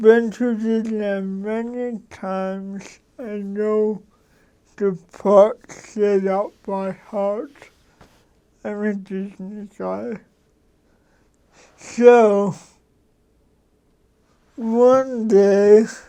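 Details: Dysarthria in an adult man who has lived with cerebral palsy for 53 years; he adjusts his speech so others can understand him.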